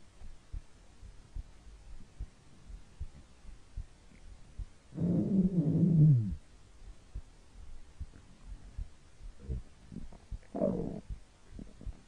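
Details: Hungry stomach: faint low gurgles with one longer rumbling growl and a shorter one; hunger-related stomach growling (borborygmi).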